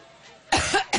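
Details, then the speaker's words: Adult woman with a recurrent coughing spell: after a quiet moment, two loud, harsh cough bursts. "IT'S A REALLY ROUGH SCHEDULE. SOMETIMES YOU COUGH AND DO STUFF LIKE THAT."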